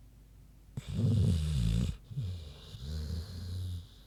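Deep, rumbling, snorting snores from a sleeping pig, two long breaths heard; ordinary sleep snoring.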